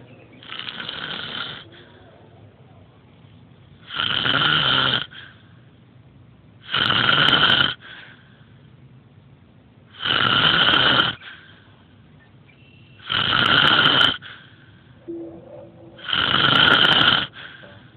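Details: Person asleep, very loud harsh snores about every three seconds, roughly 20 a minute, with quiet pauses between; heavy snoring.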